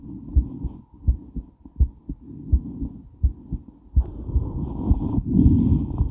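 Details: Female heart during and after weight training, recorded while moving: pounding heartbeat about 80 to 90 a minute under movement and heavy breathing noise; normal heart sounds, exercise tachycardia.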